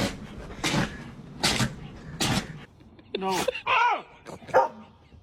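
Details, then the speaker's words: Dog sneezing: three sharp explosive nasal bursts, followed by a person exclaiming about the big sneeze. "Oh my goodness, what a big sneeze. Poor little buddy."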